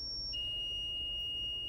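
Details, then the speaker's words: Zoll R Series ALS monitor/defibrillator in hospital training, charged after energy selection (range about 15 to 200 joules), pads not attached to anyone: a steady continuous high-pitched beep meaning it is charged and ready to shock. "That continuous beep means that it's ready to shock."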